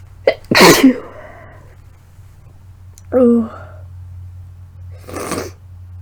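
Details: Person sick with suspected flu or cold, with sore throat, fever the day before, heavy blood-tinged mucus and lightheadedness: three forceful voiced sneezes in quick succession over a steady low room hum.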